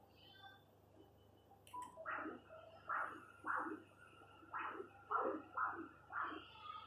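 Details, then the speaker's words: Lower-limb arterial duplex Doppler of a thin patient: normal spectral signal from the distal superficial femoral artery at Hunter's canal, rhythmic pulsing whooshes with each heartbeat. "Muy bien, el espectro parece normal."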